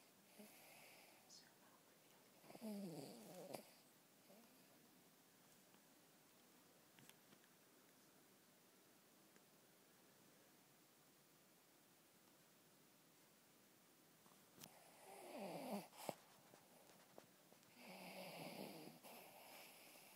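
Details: Miniature pinscher dog sleeping and dreaming, soft irregular snoring snorts with a long quiet stretch between; snoring during sleep.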